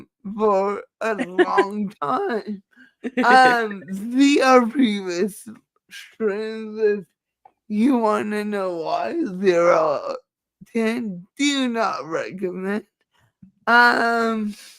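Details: Dysarthria in a woman who says it is due to her cerebral palsy and that nothing can be done about it.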